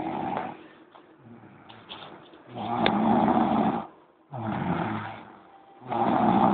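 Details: Noon nap snoring: loud rasping snores on each breath, quieter breathing between, about 19 breaths a minute; ordinary sleep snoring.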